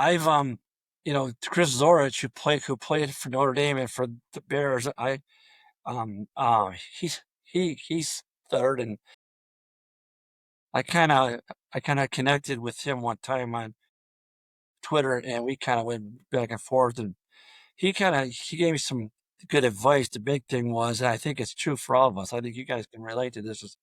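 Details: Adult male high school football coach with 34+ years of coaching who has stuttered throughout his career, with blocks reported on the letter D; stuttering.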